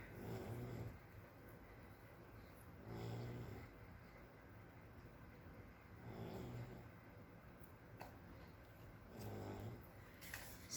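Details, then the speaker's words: Snoring heard faintly in the background. "And that's snoring if you can hear her."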